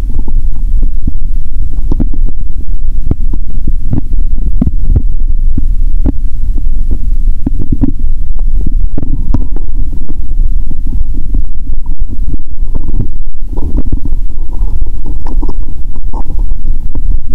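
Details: Continuous low rumbling with frequent short gurgles and clicks through a stethoscope on the abdomen of a hungry person fasting over 15 hours, drinking cola: active bowel sounds.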